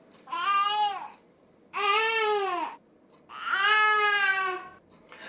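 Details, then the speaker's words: Infant's tired cry from the Dunstan baby language, an 'owh' sound linked to the yawning reflex: three drawn-out, rounded 'aoh' cries. "et j'ai sommeil donc ça va être un peu en aoât ou quelque chose comme ça je vous l'écris pareil et je vous laisse écouter"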